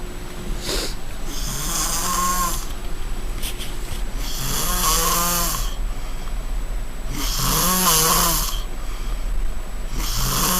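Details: Snoring: loud, low, rattling snores on each in-breath, about three in ten seconds, over steady room hum.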